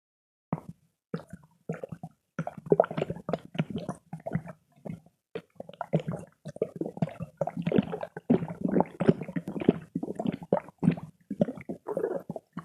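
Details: Santiban ominent's stomach growling: bursts of low gurgling and bubbling rumbles with short gaps, gas and fluid moving through the gut.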